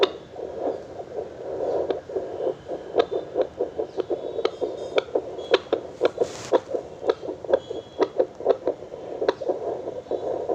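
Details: Fetal heartbeat picked up by an FD9714 handheld fetal Doppler: rapid, regular whooshing pulses at about 140 a minute.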